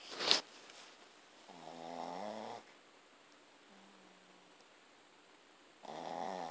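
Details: Snoring during an afternoon nap on his spot on the couch: a sharp snort, then long, buzzing, tone-like snores on the breath, separated by quiet pauses.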